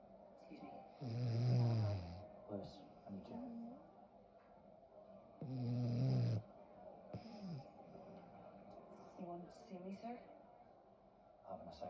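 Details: Blenheim Cavalier King Charles spaniel snoring very loudly: deep, rattling snores, two big breaths about four seconds apart with softer breathing between.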